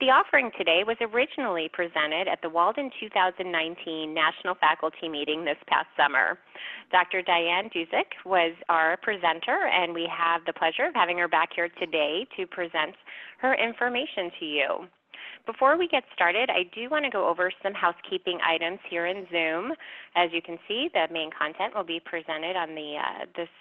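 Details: Adult speaker; normal voice.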